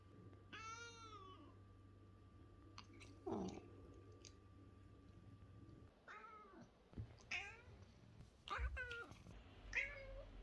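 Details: Male Lynx point Siamese cat with a raspy meow and subdued voice from a still unknown cause, throat culture results pending; hoarse meow (dysphonia).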